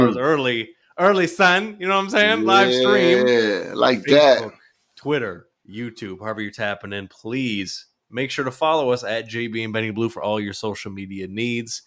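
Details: Adult male speaker; normal voice.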